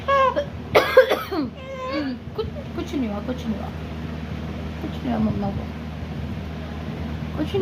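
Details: An adult's few short, harsh cough bursts amid a 9-month-old baby's whimpering, wavering cries as she gets upset at the cough; low room hum throughout.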